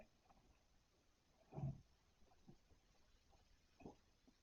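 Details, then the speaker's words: Faint, low snuffling snores with two louder snorts from a pet named Pixel resting on a bed, against quiet room noise; ordinary snoring. "you guys hear that snoring that is pixel on my bed"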